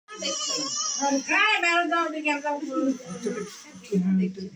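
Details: Newborn baby during a vaccine injection: loud, high-pitched crying with wavering pitch in a small room; distressed infant cry.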